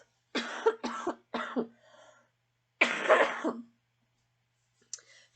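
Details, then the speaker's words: Adult with a lingering illness, hurting from the cough and avoiding a cough suppressant: a run of three quick harsh coughs, then one longer cough after a pause; a repeated cough. "I mean man I'm hurt from the cough but I don't want to take a cough suppressant and be sick another week"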